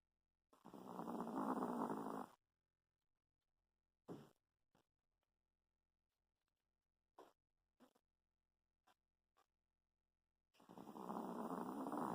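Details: Small pet dog asleep, with long, rough, rumbling breaths about ten seconds apart and faint snorts between, likened to a locomotive; dog snoring.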